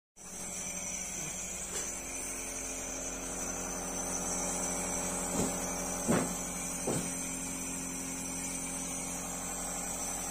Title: Nebulization Machine #nebulization #nebulizador #nebulizationmachin #nebulizador